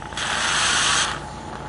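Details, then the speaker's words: Portable suction machine in a training demonstration, tested by suctioning a small amount of water before oral suctioning: a steady hiss and gurgle for about a second over the machine's hum. "When suctioning a person, you can check to make sure that there's adequate suction by suctioning a small amount of water."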